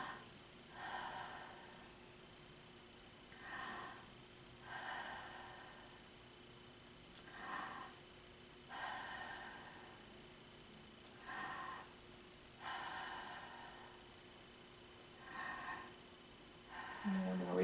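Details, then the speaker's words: Simulated clinical self-assessment scenario: adult patient with several months of insomnia takes slow, deliberate deep breaths, about 15 a minute, for lung auscultation; airy inhalations and exhalations with no wheeze or cough. "Okay. Well, I'm going to listen to your lungs, kind of do an exam, and we'll talk some more. Okay? So, let's listen to your lungs first."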